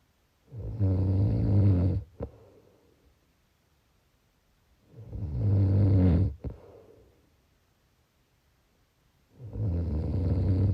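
Loud, rattling snores on each in-breath, about 14 a minute, with quiet pauses between; snoring.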